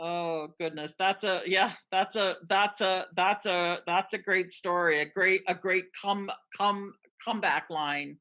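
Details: Person who stutters, a participant in a stuttering association webinar, speaking with repeated words; stuttering.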